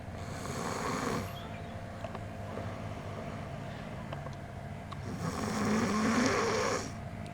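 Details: Two loud, rough, rattling snoring breaths about five seconds apart, with quiet breathing between, from a woman asleep in bed who claims she doesn't snore.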